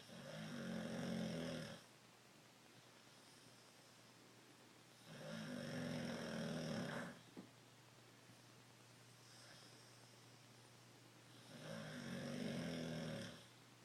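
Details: Three loud, rattling snores on the in-breath, about every five seconds, with quiet out-breaths between: snoring.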